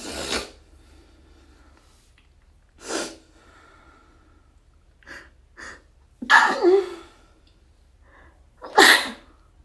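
A series of sharp, explosive sneezes, some stifled and some wet, separated by quiet breaths; repeated sneezing.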